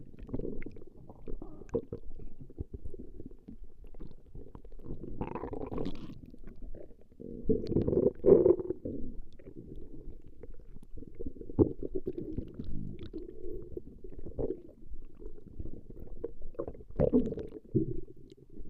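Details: Woman's stomach growling recorded over a long session: continuous low gurgling and rumbling with irregular bubbling surges; ordinary borborygmi from gas and fluid moving through the gut.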